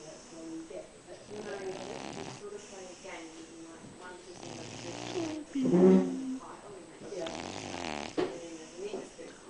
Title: Snoring Cat